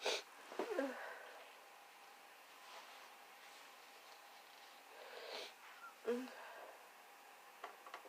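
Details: Person with a progressing common cold, sore nose and throat, minimal cough: a fit of soft, congested sneezes with sniffs and gasping breaths between them in a quiet room, then nose blowing.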